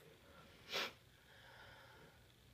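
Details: Itchy sneezes, one of a series; a single brief, sharp, hissing sneeze burst in a quiet room, followed by soft background noise; sneeze.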